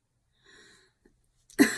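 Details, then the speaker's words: Adult recording at about 2:20 am on day 11 of cold-turkey meth and amphetamine withdrawal, also going through benzo withdrawal, with cold sores; a faint brief whistling breath, a wheeze, then a sudden loud cough-like burst. "I'm wheezing. I'm not becoming down with something, to be fair."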